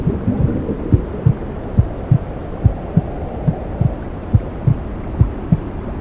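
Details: Womb sounds played to help a newborn sleep: muffled, steady whooshing with a soft rhythmic maternal heartbeat at about 70 beats a minute.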